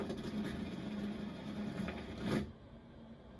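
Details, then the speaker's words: Needle EMG in dystonia with the muscle allowed to relax: steady crackling static with a low hum, then a quiet gap and a sharp burst, as a proximal signal still tries to activate the muscle. Finding: dystonic discharge. "I'm allowing that muscle to relax. This is what I see underneath it all. I can hear that the signal proximal to the muscle is trying to activate it."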